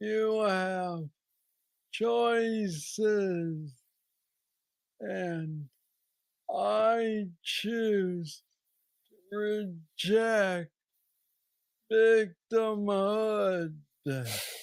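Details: Hypokinetic dysarthria in a man with aggressive Parkinson's disease diagnosed at age 35, about nine years earlier, treated with a brain stimulator implant.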